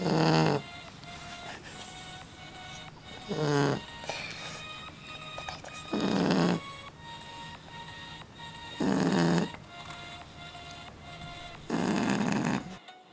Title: ♥️FUNNY SLEEPING SNORING DOGS♥️